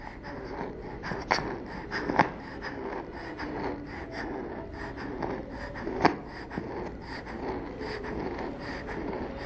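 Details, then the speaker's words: Child in a training video on assessing breathing (stridor vs wheeze): noisy, rapid breathing with musical sounds on breathing out, no harsh sound on breathing in; expiratory wheeze, not stridor. "we heard a wheezing sound when breathing out therefore we decided that did not have stride or stride or is a harsh sound on breathing in this child has wheeze when breathing out listen again"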